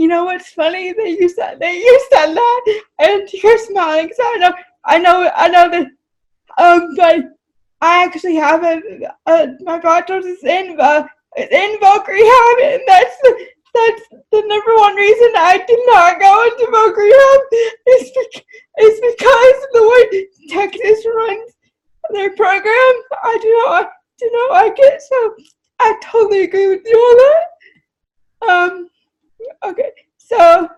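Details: Adult woman with cerebral palsy, a wheelchair user, who says her CP is evident from her speech but not her writing. Dysarthria (cerebral palsy).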